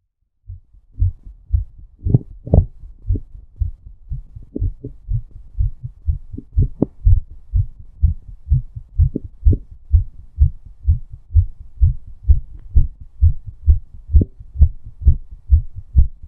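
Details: Steady, regular low heart thumps with a clean rhythm, recorded from the person's own chest before, during or after a hot shower; normal heartbeat.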